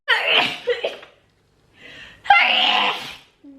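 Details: Woman on camera who says she has to sneeze; two forceful, hissing sneeze bursts, each after a short indrawn breath, in a quiet room.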